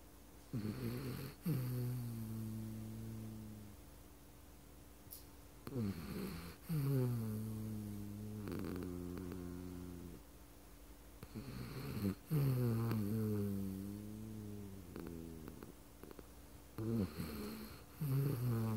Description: Our eleven pound poodle-thing is the loudest snorer in the house.